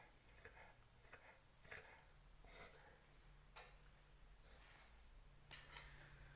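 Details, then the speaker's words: Dog having a reverse sneeze episode, making repeated short, noisy snorting breaths about once a second. "Sneezing Scout. Sneezy boy. You gonna sneeze? Hmm? Mr. Sneezy dog."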